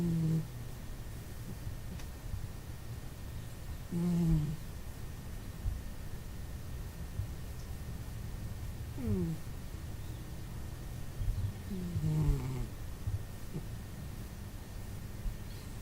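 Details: Soft, whistling snores about every four seconds from a sleeping cat, a frequent snorer, over steady room noise.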